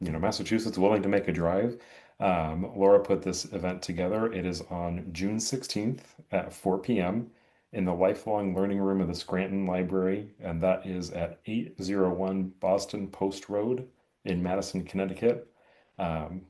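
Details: Adult male speaker; Normal fluent speech.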